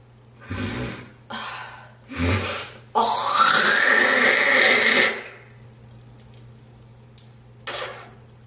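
Three short harsh coughs, then a long forceful hawking and spitting sound, followed by a brief breath out.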